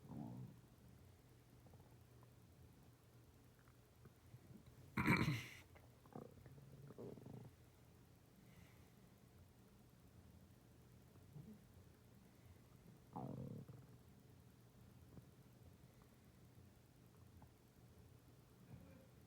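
Quiet stretches broken by a few low rumbles and gurgles from the belly; ordinary stomach growling.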